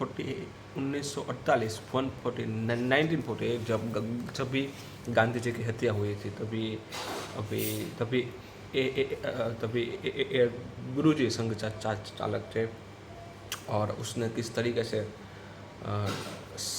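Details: Stuttering with word repetitions in a speaker on day 84 of daily self-practice to control their stutter, during a storytelling exercise.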